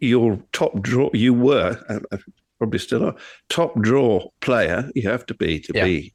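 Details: Adult male speaker; Normal speech.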